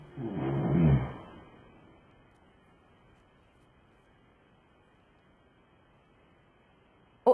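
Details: Patient undergoing an overnight sleep study for snoring with obstructive sleep apnea: one loud, rough snore, then about six seconds of silent breathing pause, then a brief sharp sound as breathing resumes.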